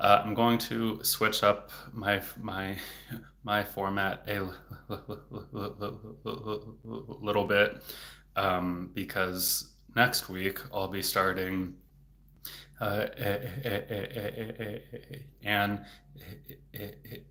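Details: Adult male speech-language pathologist who has stuttered since age eight, worsening in his teens and currently in a period of stuttering more, with word and part-word repetitions and blocks; stuttering.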